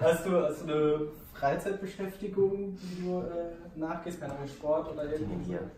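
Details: Adult speaker (interviewer); Normal speech.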